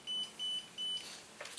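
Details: Three short, high, steady electronic beeps in quick succession from a Zoll defibrillator during a staff training in-service, with faint room noise.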